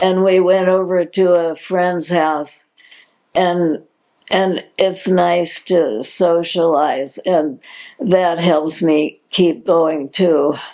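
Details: Adult woman diagnosed in 2020 with progressive supranuclear palsy, a progressive incurable neurological disease, with repeated words and hesitations; dysarthria with word repetitions in progressive supranuclear palsy.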